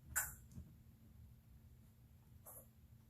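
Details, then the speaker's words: Two tiny, sharp hissing bursts over low room hum: guinea pig sneezes. "Well, guinea pig sneeze. Did you hear it? They're so cute."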